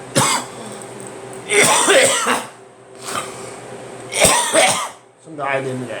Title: Me coughing